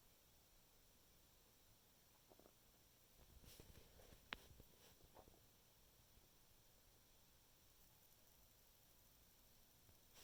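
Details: Stomach noises after eating a chicken Caesar wrap: faint gurgles and brief squelching rumbles from the belly in a quiet room; bowel sounds (borborygmi).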